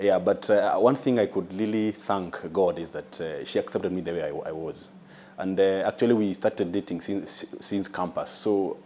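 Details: Adult man who lives with a stammer, judged mild by the doctor; stuttering.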